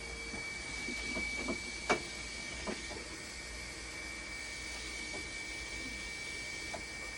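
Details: Steady high electronic whine with hiss and a few scattered clicks from a hemodialysis machine running during duration and flow calibration, after a problem with conductivity going up and down that showed no error.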